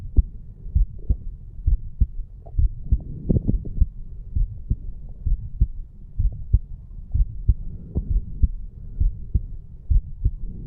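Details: Heart sounds of a 34-year-old male recorded at the mitral area after a farmers walk exercise: steady paired lub-dub thumps at about 65 a minute, normal heart sounds.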